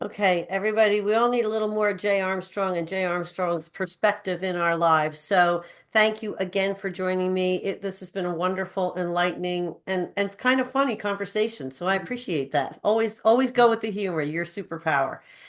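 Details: Adult woman; normal speech.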